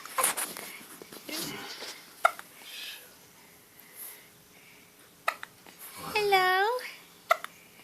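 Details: 25-day-old newborn with hiccups, head bobbing: several brief, sharp hiccup sounds, with soft adult talk and a short infant squeal in between.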